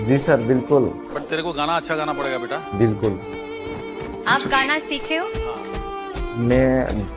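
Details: Adult male speech, talent show judge; no disorder.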